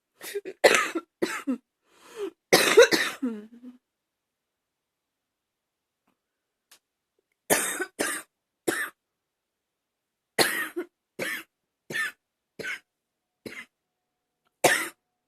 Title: #38 simply coughing